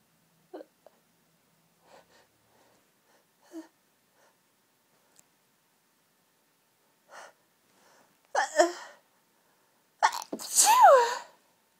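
Soft sniffs and catches building to several sneezes, the last ones loud and muffled as if into a tissue; a hay fever sneezing fit.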